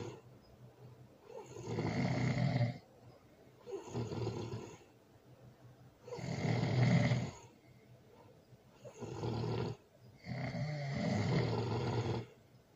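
Loud rough snores with each breath, about 13 a minute, with quiet pauses between: heavy snoring from vibration of the soft tissues of the throat.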